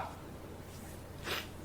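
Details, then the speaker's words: A narrator sneezes partway through reading an audiobook aloud, after saying they have to sneeze. "hang on I gotta sneeze huh"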